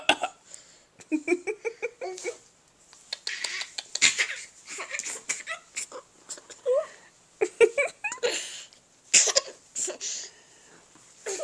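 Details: Baby making short, playful voluntary fake coughs mixed with giggly vocal noises.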